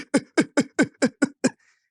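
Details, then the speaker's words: Adult imitating the paroxysmal cough of pertussis (whooping cough) in a child: seven quick, sharp coughs in one breath out, the 5 to 10 coughs in a single expiration that define a paroxysmal cough. "Essa tosse é conhecida como tosse paroxística. O que é uma tosse paroxística? É uma tosse que tem 5 a 10 tosses em uma única expiração."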